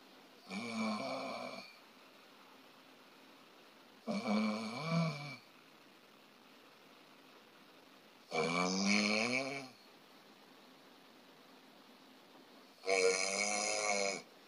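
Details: Snoring from a narrowed airway with a sagging uvula, heard during sleep.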